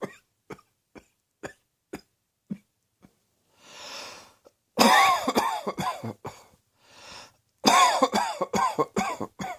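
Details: Acted coughing, cross-dressing video: a run of single throat-clearing coughs, then two loud harsh bursts of repeated coughs with breaths between.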